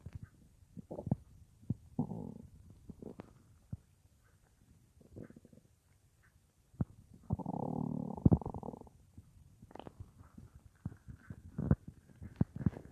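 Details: Stomach rumbling at night, recorded about an hour after some soup on a day with no full meal, lying on left side, phone in front of belly or mic pressed to it: scattered gurgles, long low growl, clock ticking.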